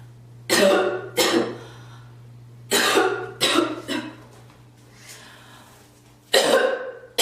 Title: girl coughing and spitting ❣️